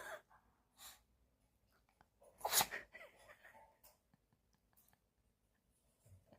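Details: Poodle puppy: three quick, sharp sneezes in a row, each a brief explosive burst of air through the nose; sneezing.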